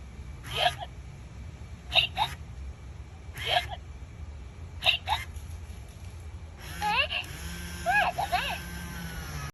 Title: #SHORTS WHEN YOU CANT GET RID OF THE HICCUPS